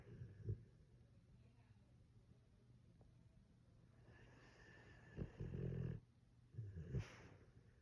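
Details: Sleeping pit bull dog snoring: quiet, irregular snuffling snores and soft snorts; ordinary dog snoring.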